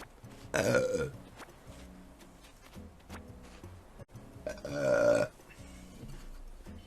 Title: The Ultimate Girls Burps Compilation 2 #BURP